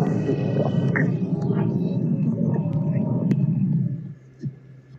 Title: stomach growl (Sidekick)